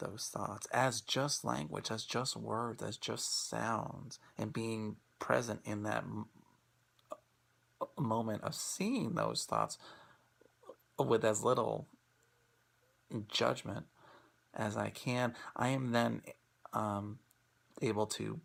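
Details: Presenter who stutters, speaking in an International Stuttering Awareness Day 2016 talk on acceptance and commitment therapy (ACT) for people who stutter; stuttering.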